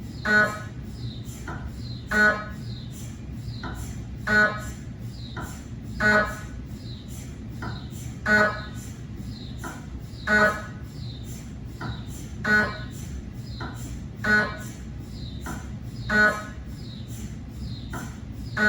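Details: Cardiac MRI gradient noise from a GE 3T scanner with 8-channel cardiac coil scanning test phantoms: loud repeating buzzing bursts about 15 per minute over a steady hum.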